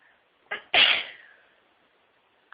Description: My nose is sooo tickly and the sneezes won't stop coming....